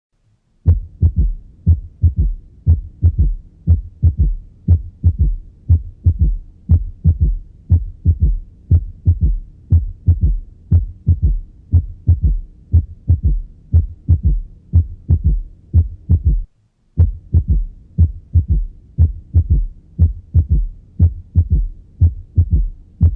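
Regular low-pitched heartbeat at about 60 a minute, with a soft extra thud just after the second sound in each beat: a third heart sound.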